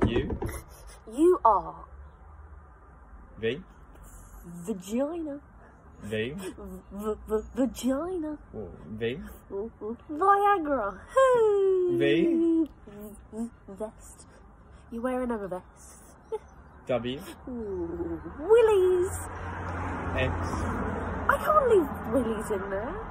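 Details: Vocal tics of Tourette syndrome in a 22-year-old woman doing the alphabet challenge; tics are involuntary and triggered by hearing her partner say letters; filmed October 2020, before her formal Tourette's diagnosis.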